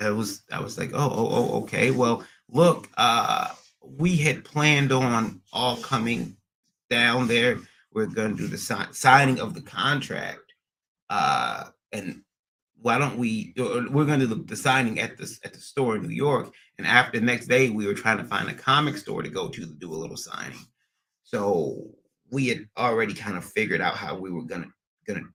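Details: Adult man with stuttering after a recent transient ischemic attack; MRI and another scan showed a little damage; under a neurologist with physical, occupational and speech therapy; speech not fully recovered, still stutters occasionally almost a year later; acquired stuttering.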